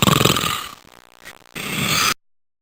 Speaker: the term heroic snoring is used to define snoring which can be heard from outside the room where the patients sleep have you ever heard this